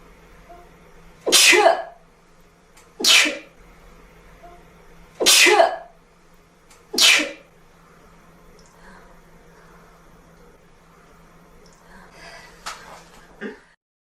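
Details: Four forceful sneezes in quick succession, followed by a few softer sniffs and breathy sounds: sneezing.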